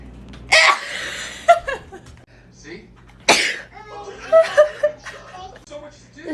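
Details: Two loud, sudden sneezes from a sneeze compilation, with laughter and talking in between.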